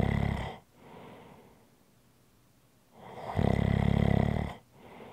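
A loud, rattling inhaled snore follows quieter breathing, with a soft exhale after it. Typical snoring.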